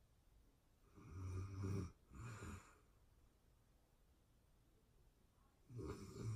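Two deep, rumbling snores during inhalation, a quiet pause, then a third snore starting; a low, fluttering sleep snore.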